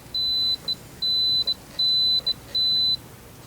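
High steady beeps, each followed by a short blip, four times in a row, from an implant drilling motor as its settings are changed.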